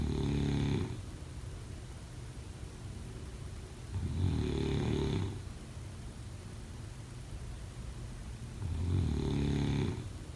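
Three loud, low rattling snores on inhalation, about four seconds apart, with quiet breathing between them. Ordinary snoring.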